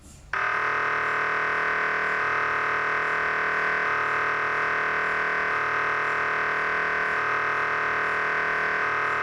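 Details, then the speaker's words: Real MRI scan heard from inside the machine as it started: insanely loud, air-raid-siren-like steady electronic drone with rapid repeating buzz, switching pitch every few seconds; patient then felt repeated clawing sensation in skin and pressed emergency button. MRI scanner noise. "Then the most insanely loud sound came into this machine. It was sort of like, you know, those typical sort of air raid sirens that you see in war movies. It sounded exactly like that."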